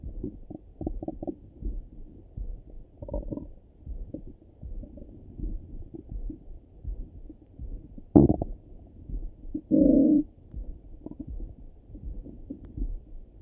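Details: Morning stomach rumbling through a stethoscope: frequent gurgles and bubbling with a couple of longer, louder rumbles; active borborygmi.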